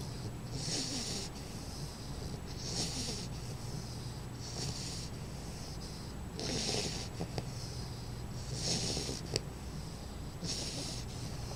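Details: Sleeping baby bulldog puppy snoring: repeated soft snorting breaths, about six in 11 seconds, with a hissy nasal rasp on each breath.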